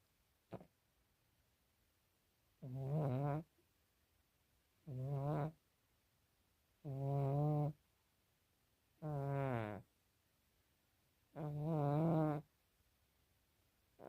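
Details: Pet cat snoring while under the covers: slow, evenly spaced, low buzzing sleep breaths, about 14 a minute, each slightly tonal and vibrating, in a quiet room.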